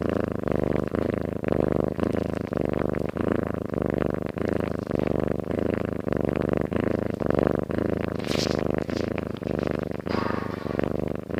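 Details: Cat sleeping soundly and snoring: a steady, low buzzing rattle with each breath, a soft snore close to a purr.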